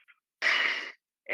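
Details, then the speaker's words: Simulated normal laryngotracheal breath sound in a medical semiology lecture, made by blowing through a hand rolled into a tube: a single half-second, high-pitched blowing hiss. "el ruido que se ausculta en el ruido o soplo laringotraqueal, que es nuestro primer ruido comparativo en el vértice."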